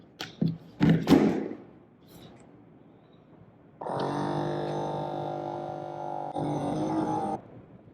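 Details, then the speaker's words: Button clicks and thumps, then a steady motor whine about 3.5 seconds as an Omron M3 automatic upper-arm cuff inflates for the second Galaxy Watch calibration reading, which gave 121/81. "Now we have to do the same thing for the second measurement and the third. Start your blood pressure monitor now."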